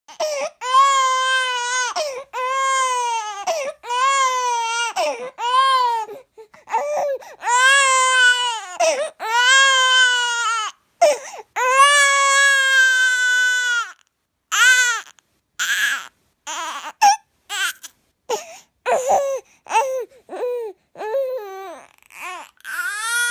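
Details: A tired infant cries in repeated loud, rhythmic wails with brief gasping pauses, then settles into softer fussing whimpers.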